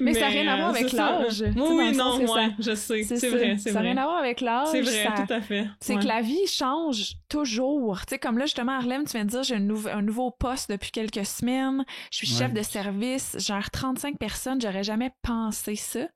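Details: Adult woman speaking French; no speech disorder.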